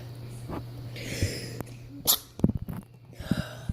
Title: Non stop sneezing! How to cook an egg...